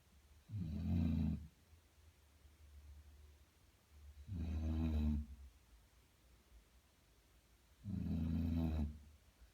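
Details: Sleeping Basset Hound dog: three deep, rumbling snores on regular in-breaths, about 16 a minute, in a quiet room; snoring.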